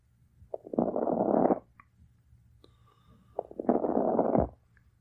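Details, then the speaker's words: Recording of lung crackles: two noisy breaths with a rough, crackling texture, described as less liquid in the lungs than rales. "we can also have what are called crackles which is less liquid in the lungs it sounds like a crackling sound"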